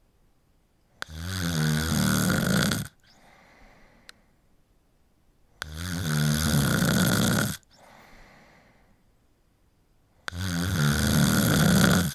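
Three long, rattling snores roughly every four to five seconds, about 13 breaths a minute, with quiet exhalations between. Steady snoring.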